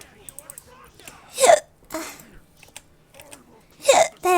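Two sharp, abrupt voiced gulps a few seconds apart among soft breathing and small mouth sounds, fitting hiccups.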